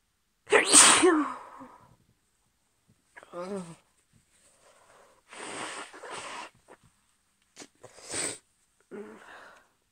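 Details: Female with a cold giving several strong, forceful sneezes with sharp bursts and breathy intakes between them.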